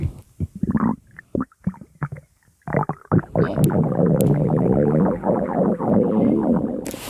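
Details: A very hungry person's stomach gives short gurgles and pops, then a long, rolling, bubbling growl: hunger-related bowel sounds (borborygmi).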